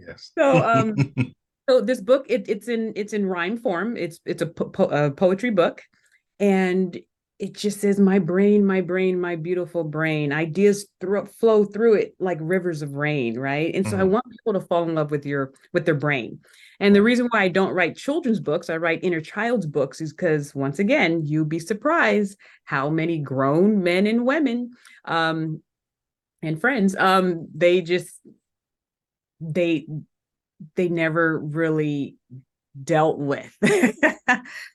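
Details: Adult woman who still stutters today, speaking in a podcast interview; stuttering.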